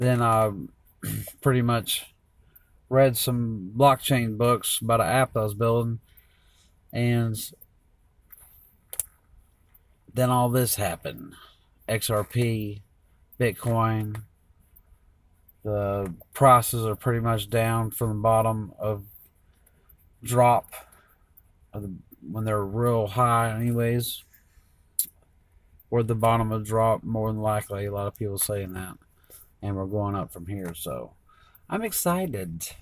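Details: Adult man four years after a stroke; initially unable to talk, understand or read words, and unable to walk for one to two weeks; mostly unable to speak for about two years; still substitutes words and sometimes slurs; aphasia with mild dysarthria after stroke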